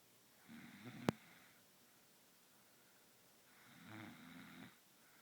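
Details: A baby girl snoring in her sleep: two soft, brief snoring breaths in a quiet room, with a sharp click after the first; light infant snoring.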